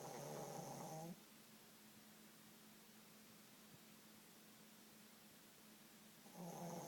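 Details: Snoring from a dog.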